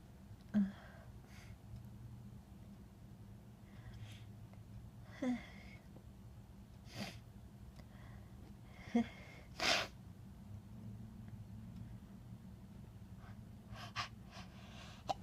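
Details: Adult sneezing repeatedly in bed, a series of sneezes and sniffs with soft breathing between them in a quiet room.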